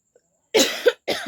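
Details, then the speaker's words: Adult woman with a cold after the weather change and nights out, doing a real (not performed) cough during a coughing challenge: two loud, harsh cough bursts in a quiet room. "Real coughing करो real coughing करो तो सच सच में मेरा real coughing होने वाला है"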